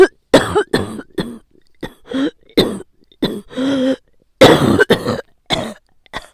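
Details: Adult with a common cold, bronchi painful even on inhaling, taking painkillers daily: repeated harsh, forceful, strained voiced coughs.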